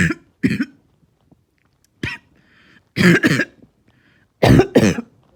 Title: Barking Cough